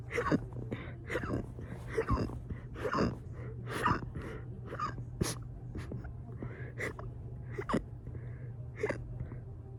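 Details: Fast, burp-induced hiccups: a rapid, irregular series of short, sharp catches of breath, about 68 per minute, over a steady background hum.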